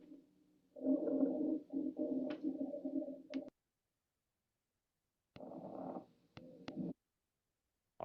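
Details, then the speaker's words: Rhonchi: low-pitched, rumbling, snore-like continuous breath sounds, contrasted with high-pitched wheezes. "wheezes are very high pitched ronai tend to be low pitched ronai sound kind of like snoring"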